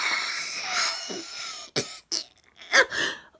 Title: The Sneezing Sniffler - Intense Sneezing Causing a Locked Jaw!